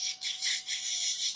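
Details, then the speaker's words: Vocal imitation of myopathic EMG motor unit potentials in polymyositis/dermatomyositis: a brief, thin, high-pitched crackling hiss representing very small motor units. "Estos pacientes tienen electromiografía con unidades chiquititas, chiquititas, chiquititas y y suena como"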